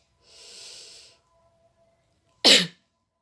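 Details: Nursing-student demonstration of effective voluntary coughing to clear airway secretions: a slow, deep in-breath filling the chest, a brief pause, then one sharp, forceful cough.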